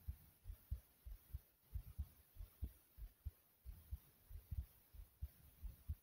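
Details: Own fast heartbeat (tachycardia): quick, regular paired low thumps at roughly 95 to 100 beats a minute over a faint hum.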